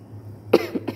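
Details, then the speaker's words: Adult with a severe, persistent cough not helped by a doctor's medicine: a short cough of one strong burst followed by two smaller ones in a quiet room. "Bikin lemon karena udah capek batuknya udah parah"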